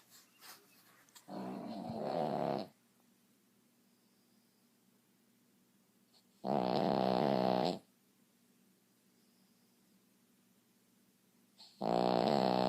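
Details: Dog snoring loudly in sleep: tonal, buzzing snores about every five seconds, roughly 11 a minute, with silence between.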